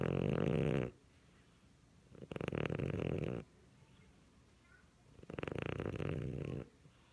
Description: Family Siamese cat is curled up under the Christmas tree and snoring very loudly, no added sound effects!